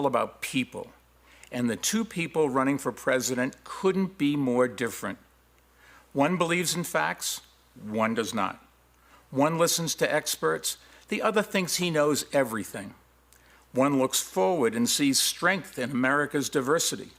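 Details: Adult man; normal speech.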